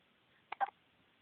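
A soft, abrupt double vocal catch in a quiet room, fitting a hiccup.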